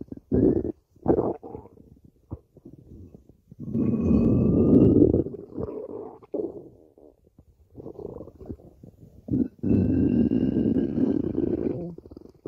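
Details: Stomach growling (borborygmi): low gurgling rumbles and longer growls from the belly, coming in bursts.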